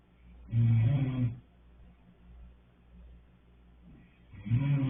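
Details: Two low, rough rumbling snores on inhalation with quiet breathing between; snoring.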